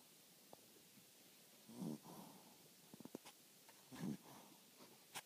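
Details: Sleeping dog: soft, short snorting snores about two seconds apart with small clicks and mouth noises in a quiet room; light snoring.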